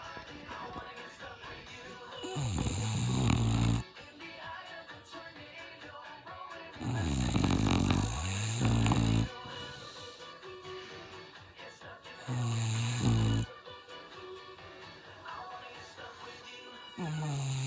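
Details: Bulldog snoring: deep, rattling snores in long bursts about every five seconds, with music playing in the background.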